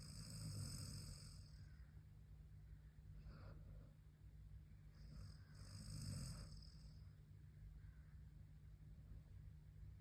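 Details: Sleeping golden retriever; two soft, low, rumbling snores about five seconds apart over a steady low background hum: snoring.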